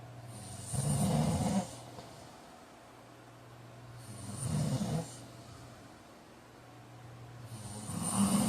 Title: Snoring 45